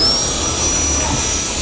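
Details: Loud, steady high-pitched whine with airy hiss from an NSK FX Plus high-speed dental air turbine handpiece (30 W, four-port spray) running; dental air turbine handpiece running.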